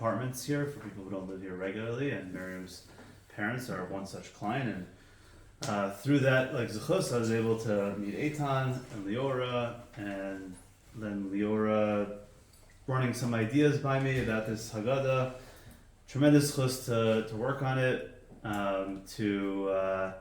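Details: Adult man with aphasia after a stroke six years earlier, with memory loss and loss of use of an arm; difficulty speaking, writing and reading, knows what to say but can't get it out; reading a prepared text aloud; aphasia after stroke.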